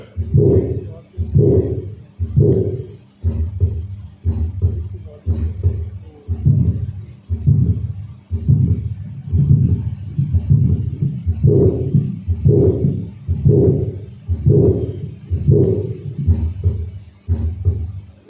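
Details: Teaching recording of a tricuspid regurgitation murmur played in an auscultation workshop; described as increasing on inspiration.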